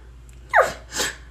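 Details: A sudden sharp sneeze-like gasp, then a second breathy burst, from a person with Tourette syndrome: a vocal tic.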